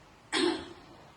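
A single deliberate, forceful cough after deep breaths, acted in a training role-play to show an effective cough for clearing phlegm.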